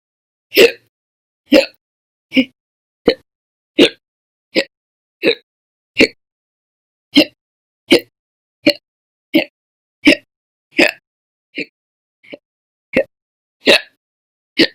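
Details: Persistent slow hiccups: abrupt, short hiccup sounds repeating about every second, around 18 in all.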